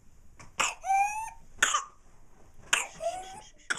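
A young child's harsh coughs, each followed by a high-pitched, crowing breath in: the whoop of pertussis.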